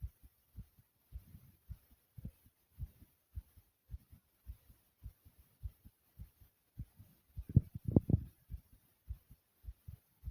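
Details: Fast, pounding heartbeat at about 105 beats a minute with breathing sounds, a normal quickened rhythm after exercise.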